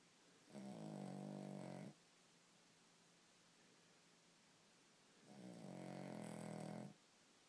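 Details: Dog snoring: two steady, buzzing snores about four seconds apart, each lasting over a second, with soft breathing between; ordinary snoring.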